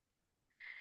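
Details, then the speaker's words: Stridor with significant subcostal retractions and tachypnea in a good-weight newborn with respiratory distress from birth, worsening when weaned off positive pressure: a single high-pitched, whistling noisy breath. "so we can hear that there is a strier I hope everybody can hear that and there are significant subcostal retractions"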